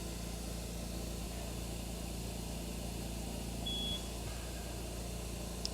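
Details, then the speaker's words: PureVent 10L oxygen concentrator for a pet oxygen cage, flow turned up past the 10 L red line: steady hum, rapid pulsing and a brief high beep as the low-O2 alarm signals insufficient oxygen output and to call service. "okay so immediately we're getting low O2 it thinks that it's not producing enough oxygen and it's letting you know to call service so this can happen when it's turned up very high"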